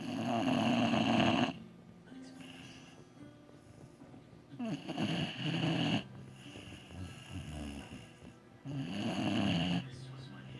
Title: Funny Boxer snores so loud